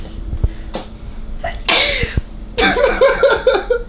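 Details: Person deliberately sneezing for a girl with a rare metabolic disorder after sniffing black pepper: sharp breath in followed by two loud, explosive sneezes, the second running into a short voiced trail; repeated sneezing.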